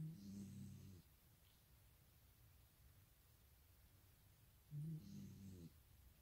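Two long, low, rumbling breath sounds with quiet pauses between, in a still room: a dog snoring during sleep.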